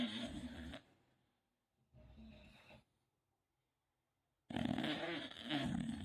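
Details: English bulldog asleep, snoring: loud, rough, rattling snores, with a softer snore between two heavy ones and quiet pauses.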